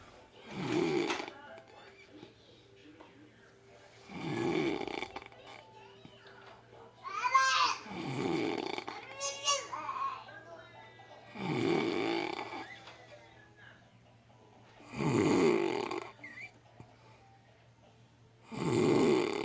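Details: Adult man deeply asleep after hard work and heavy drinking: very loud, harsh open-mouthed snoring about every 3.5 seconds (roughly 16 breaths a minute), with rattling, gurgling noise between some breaths.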